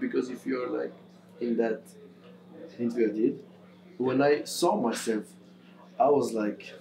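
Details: Adult male footballer who has stammered since about age six; stammer varies day to day; stammering.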